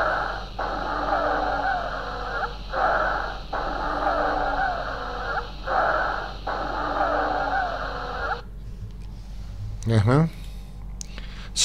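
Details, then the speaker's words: Lung auscultation example sound played during a respiratory examination lecture: stridor. "please streeter once again"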